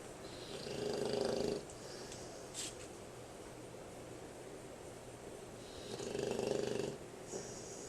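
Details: American Bulldog snoring loudly while asleep; two rough, buzzing snores about five seconds apart with quiet breathing between.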